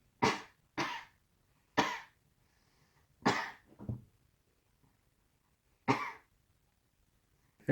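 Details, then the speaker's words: About six short, dry voluntary cough bursts, a few seconds apart, made on request by a child with a covered mouth in a quiet room, recorded during a simulated pulmonary screening exam after lung auscultation. "okay please take this and cover your mouth and um when i tell you you please cough okay okay um okay okay go ahead and cough"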